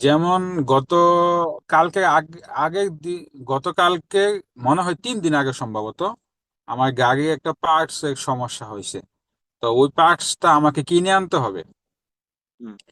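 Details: Adult man who has stammered since early childhood, speaking after a 3-month stammering therapy course; he says some problems remain; stuttering.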